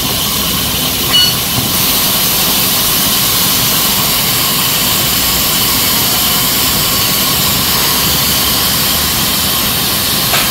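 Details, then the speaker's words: Live demo of QuickSleeper 5 intraosseous (osteocentral) anesthesia on a dentist patient: steady high-pitched whirring hiss of the handpiece rotating its needle to perforate bone at the septum toward the apices; patient warned of vibration and sound. "okay i will start driving out by the patient you will feel a little bit vibration and sound don't worry"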